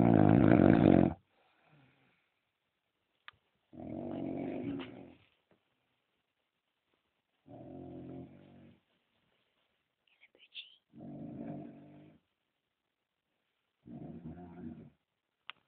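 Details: Adult man snoring; he reports his wife says snoring reduced after ENT surgery on septum and tonsils. Five loud, low, rattling snores about every 3.5 seconds, roughly 17 a minute, with quiet pauses.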